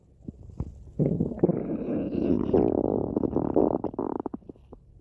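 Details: Ordinary stomach growling: a long gurgling, bubbling belly rumble with irregular pops and bursts; borborygmi.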